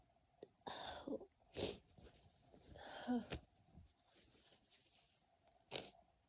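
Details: Person with a cold, congested, who feels it moving to the chest: several soft, quick sneezes in a quiet room, some preceded by a catching breath; repeated sneezing.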